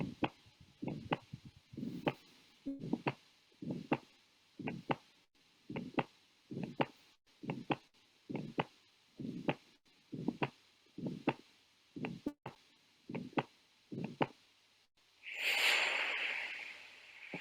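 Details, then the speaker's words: Teaching example of a heart gallop heard by stethoscope: steady triple heart sounds like horse hooves, about 60–70 a minute; usually seen in heart failure. "Ini yang kita sebut dengan galop ya, seperti suara tapak kaki kuda. Berap langkah kuda ini biasanya pada kondisi gagal jantung."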